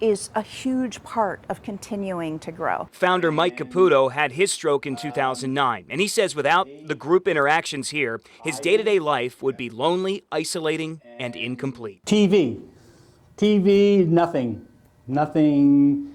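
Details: Adult news reporter, then a second speaker; typical speech.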